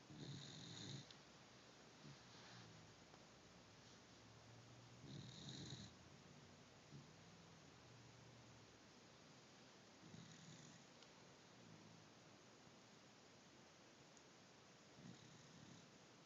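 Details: Dog snoring; soft, rattling snores with each breath in, roughly every five seconds, about twelve breaths a minute, over quiet room noise.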